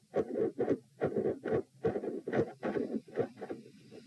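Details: Loud heart sounds at about 70 beats a minute, recorded at position p with the patient lying down during manoeuvres to provoke murmurs: split first and second heart sounds with a midsystolic murmur.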